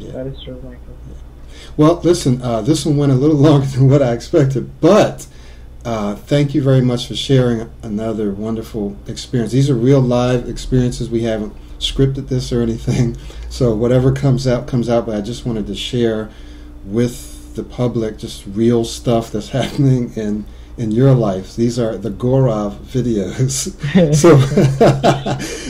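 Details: Adult male speaker; no speech disorder.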